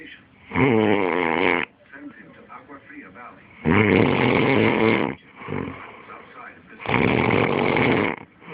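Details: Loud, harsh snores about every three seconds with television talk in the background; the person recording says it is their own snoring and suspects a snoring problem: heavy snoring.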